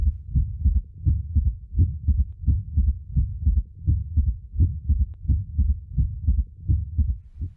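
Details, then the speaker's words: Third heart sound (S3) heard with the stethoscope bell placed lightly over the apical impulse, patient rolled partly onto the left side: low-pitched heartbeat at about 86 per minute with a soft extra early-diastolic sound, which disappears with firmer bell pressure. "notice how the third heart sound disappears when the bell is placed more firmly on the chest wall"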